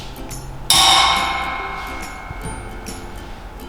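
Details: Tuning fork tone (Weber test).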